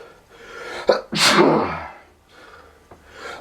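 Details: Person with bad bout of non-stop sneezing: sharp catching in-breath followed by one forceful sneeze, with room noise and breathing around it; sneezing.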